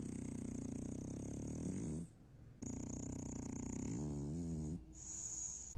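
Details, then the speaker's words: Snoring in a French bulldog, attributed to its brachycephalic anatomy (brachycephalic syndrome, narrow nostrils): loud, harsh rattling snore with long drawn-out breaths and a high whistle. "французские бульдоги действительно храпят и это связано с их анатомическими особенностями"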